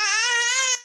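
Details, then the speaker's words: A baby cries in the background of a French-language webinar: a single sustained, high-pitched infant wail, steady in pitch, ending abruptly in under a second. "Il y a un bébé qui pleure. Voilà. Donc, oui, il y a un enfant qui crie, oui."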